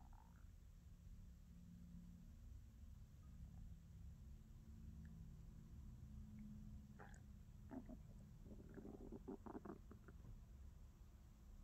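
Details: Ordinary stomach growling from a hungry stomach, ASMR recording: low continuous rumbling with gurgles, growls and brief bubbly pops over a steady hiss; borborygmi.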